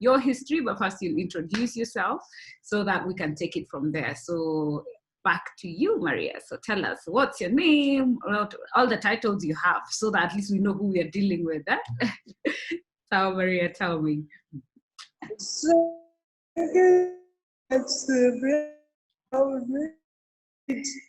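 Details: Adult woman speaking, interview; ordinary speech.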